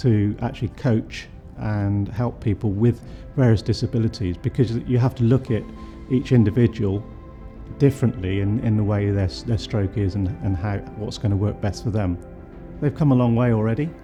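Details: Adult man; typical speech.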